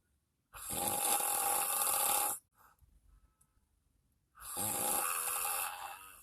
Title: Me snoring in the 🚗(1)